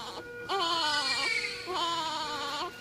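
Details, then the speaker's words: Premature infant, 33+6 weeks, born by caesarean, 1900 g, in respiratory distress with retractions and 75% saturation on room air, makes two voiced moaning expiratory grunts against a partially closed glottis, audible to the naked ear. "grunting is when the baby is expiring against a forceful expiration against a partially closed BL and when you look at the saturation the baby is saturating 75% on room a so now this baby is having this baby is having grunting which is audible by naked ear"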